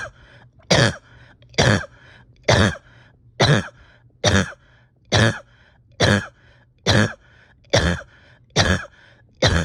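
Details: Harsh, forceful cough in a person reporting a tight chest and steady oxygen levels after a rough weekend; a long run of about twelve coughs, roughly one a second, over a low hum; painful coughing.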